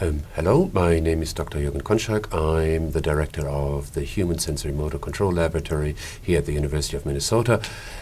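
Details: Adult man speaking; normal voice.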